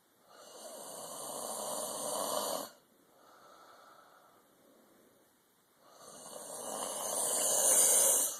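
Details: Heavy snoring from a sleeping adult: long, loud, rasping breaths with a quieter exhale between.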